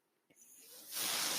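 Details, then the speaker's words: Mechanical ventilator running in the background as the speaker talks; the noise comes from the speaker's own ventilator. "Hello, everyone. My name is. That noise you're hearing is my ventilator."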